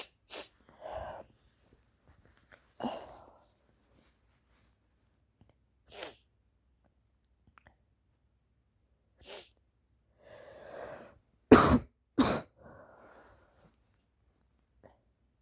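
Several soft, muffled sneezes with sniffing between them, the strongest two close together near the end, fitting congested cold sneezes.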